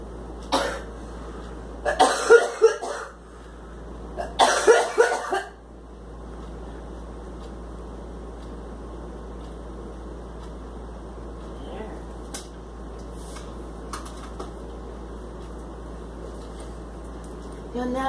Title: Girl coughing attack